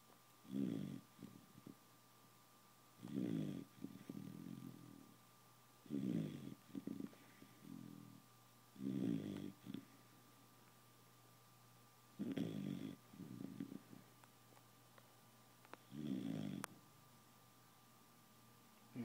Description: My beagle snoring worse than the wife :)